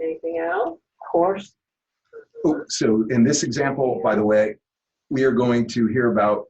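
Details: Adult male speaker; ordinary speech.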